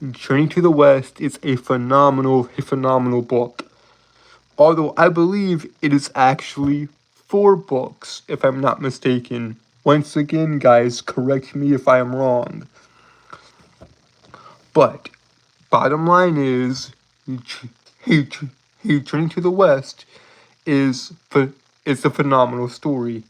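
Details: Self-reported speech impediment in a male streamer, with stuttering-like speech disfluency; finding: speech disfluency (stuttering-like).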